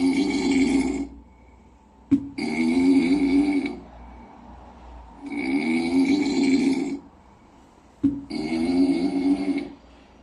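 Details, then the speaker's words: Soft, buzzy rasping snores from a sleeping kitten, about four even breaths in ten seconds with quiet pauses between; ordinary snoring. "Who on earth is snoring? I can't quite fall asleep."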